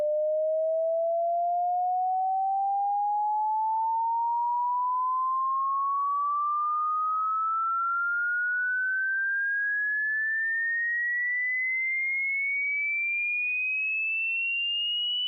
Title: Hearing Test (how old are youre ears??)